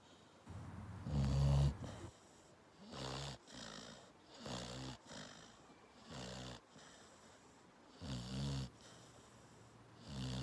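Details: A sleeping springer spaniel gives rhythmic low rumbling snores, about six breaths in ten seconds with quiet gaps between; ordinary snoring.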